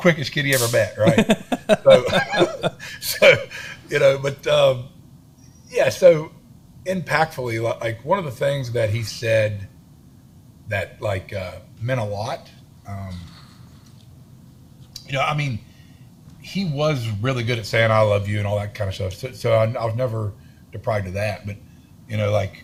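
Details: Adult man with a self-reported stutter and lisp, in speech therapy his whole life; stuttering.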